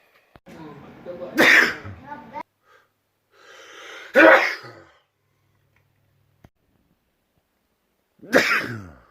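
Three loud sneezes, each preceded by a voiced build-up, forceful explosive bursts with pauses between them.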